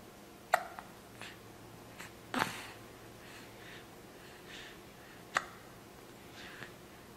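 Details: A young boy, born April 2009, with hiccups while his grandmother tries to get rid of them: brief sharp clicks repeating irregularly in a quiet room, about four in seven seconds.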